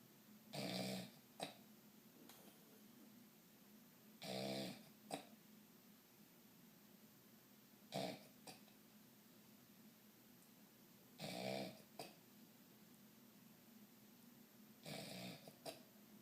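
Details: Adult snoring loudly during sleep after a few drinks: regular rough, rattling breaths about every 3.5 seconds, roughly 17 a minute, against quiet room noise.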